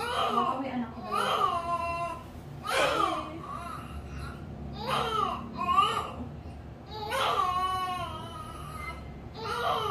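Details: Repeated short, strong, clear wailing cries of a newborn girl just after a normal vaginal delivery, with quiet pauses between bursts; newborn cry.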